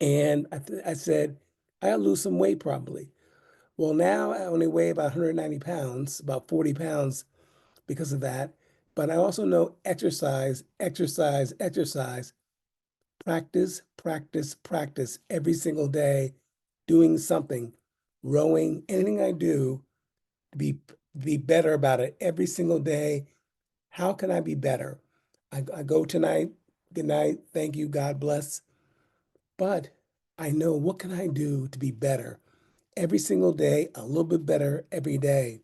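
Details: Retired, disabled adult man with aphasia after two mini strokes in 2016.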